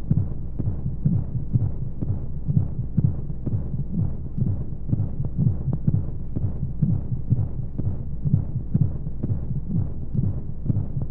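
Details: Baby sleep aid womb sound: steady muffled low heartbeat at about 125 beats per minute under a constant whooshing white-noise hiss, as heard from inside the womb.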